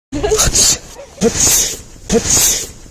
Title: sneezing prank 😂 #youtubeshorts #shortvideo #shorts #viralshort #viralvideo